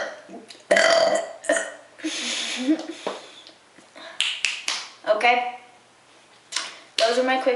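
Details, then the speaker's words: Brunette woman deliberately doing short, quick burps on request, indoors: a rapid series of loud voiced burps in close succession, some short and some drawn out; burping. "Short quick burps cuz you people keep constantly asking me to do them, so I guess I'll do them. Just quick fast burps."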